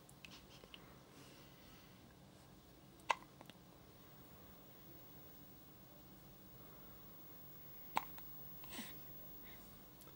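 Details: Hiccups in a baby after breastfeeding: two sharp, abrupt hiccups about five seconds apart in a quiet room; ordinary hiccups.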